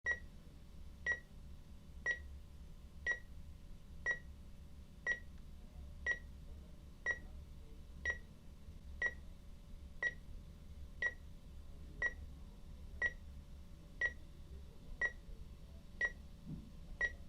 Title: High Quality Sound Effects [Medical EKG Heart Monitor]